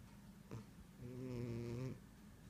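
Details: A single low, buzzing, tonal snore of about a second from a sleeping female cat; ordinary sleep snoring.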